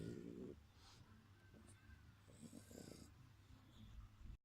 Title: Dog Snore exorcist